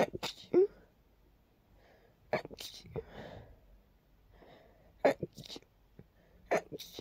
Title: Soft dusty sneezes (and a little rapid fit)